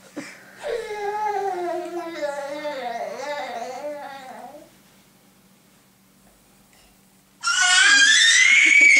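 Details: Hungry baby boy, described as chubby, fussing with wavering wails, pausing, then breaking into a loud, shrill, sustained scream; hunger cry.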